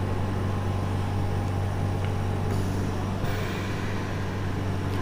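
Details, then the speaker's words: Oxygen concentrator switched on and running, drawing room air through a side filter to deliver oxygen to a patient; flow adjustable up to 5 litres, ball shown between 2 and 3. Steady low motor drone with a throbbing compressor note. "On करने के बाद में आप देखेंगे कि ये वातावरण की जो एयर है उसको लेता है और उसमें से ऑक्सीजन को पेशेंट को प्रोवाइड करवाता है।"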